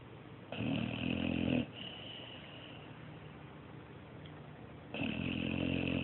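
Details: Long raspy fluttering snore sounds with a nasal whistle, separated by quieter breathing; snoring.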